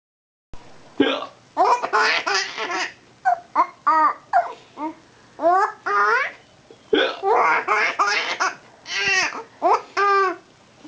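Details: A father's hiccups: abrupt voiced hiccup sounds at irregular intervals amid bursts of laughter from others.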